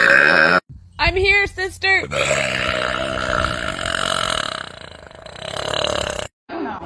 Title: Girls burping compilation №1